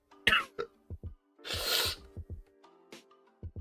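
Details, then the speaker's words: Cough from an unwell adult with a blocked nose during a livestream: a few sharp cough bursts and one longer harsh rasping cough over steady background music. "I'm sorry, guys. I'll try to mute it next time I cough. Do you hear that cough, though, bro?"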